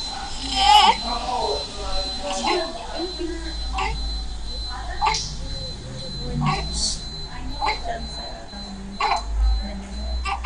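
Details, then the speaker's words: Baby with respiratory distress, observed without contact: short repeated grunts on breathing out amid room noise; expiratory grunting from a closing epiglottis generating auto-PEEP to keep the lungs from collapsing, an ominous sign. "Este bebé en cambio tiene un sonido expiratorio, ese es el quejido. Recordemos que el quejido se da por la salida del aire por una epiglotis que está cerrando la laringe para tratar de hacer autopep, ¿cierto?"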